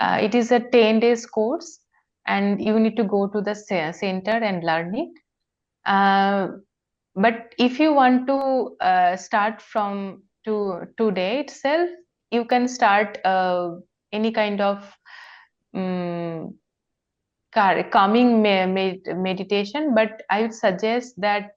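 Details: Stammering in an adult woman: natural bouncing (easy repetitions), not practised; she tried practising prolongation, seldom blocks, sometimes cannot finish sentences when very anxious.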